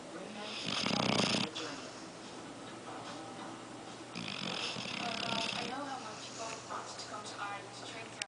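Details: Loud rattling snores on two breaths, with quieter noisy breathing between them, while sleeping and dreaming; ordinary snoring.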